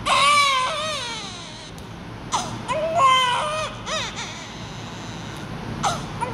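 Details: Newborn baby: loud, strong crying in long wails with breaths between, some room noise behind; a hard, vigorous cry of an active baby.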